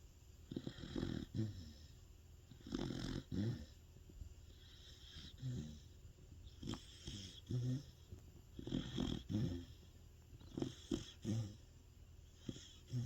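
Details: Large dog (Sapsali breed) snoring loudly in sleep: loud, rattling snores in a steady rhythm, roughly every two seconds.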